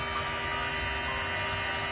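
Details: Puppy with bronchitis, skinny and coughing harshly, receiving a nebulizer treatment: steady hissing, whirring mechanical noise with no pauses from the nebulizer running.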